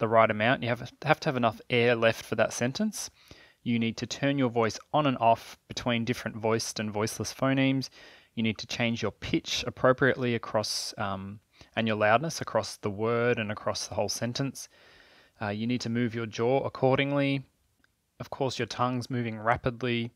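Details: Adult male speaker; typical speech.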